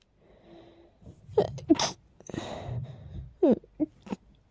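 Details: Breathy, catching in-breaths, then several short, muffled, held-back stifled sneezes from someone whose allergies are acting up with an incredibly tickly nose.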